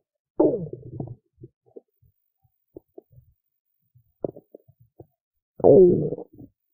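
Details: Hunger bowel sounds after skipping lunch: two long gurgling rumbles with scattered soft pops and squelches between them, active borborygmi of a hungry stomach.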